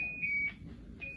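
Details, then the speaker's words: LifeVest wearable defibrillator practice false alarm with the wearer conscious; high, steady electronic siren tones with a brief break, warning of impending shock within 25 seconds unless both response buttons are pressed. "So, we're going to just practice this a couple times. You have 25 seconds to push it or it will shock you."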